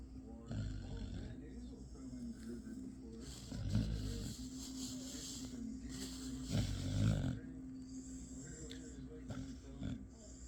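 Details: Dog asleep in an awkward position between owners gives rough, rattling snore bursts every few seconds over a steady background hum; snoring.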